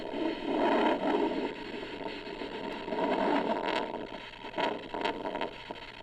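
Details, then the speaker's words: Handheld Doppler with ultrasound gel over the brachial artery before cuff inflation during an ankle-brachial index demonstration: rhythmic whooshing surges over steady hiss, the normal arterial pulse signal. "I just want to locate the brachial artery and listen to the Doppler sounds."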